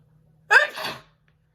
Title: Her Sneeze ll Personalized Video Big Sneezing!